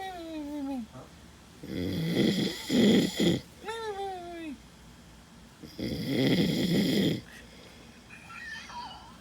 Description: Army Soldier Snoring Hardcore after the battle match and shoot and drill sgt destroys him with sounds.